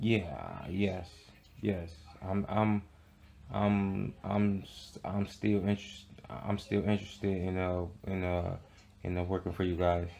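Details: Acted stuttering in a comedic skit of a man during a phone job interview, with word and part-word repetitions.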